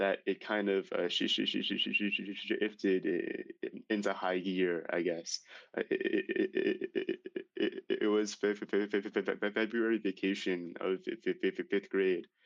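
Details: Male high school senior who began stuttering severely at age 10, with six years of speech therapy; stuttering runs in his family; stuttering.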